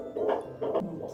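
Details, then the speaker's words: A midwife in rural Ghana finds the fetal heart rate within a second using a fetal Doppler: rapid rhythmic whooshing pulses, about 140 beats a minute; normal fetal heart sounds. "so um I was able to detect the filter heart rate within a second"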